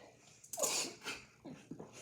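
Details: During a fizzy-drink (Sprite) challenge: a sharp sneeze followed by a softer second burst and a few quiet breaths in a small room.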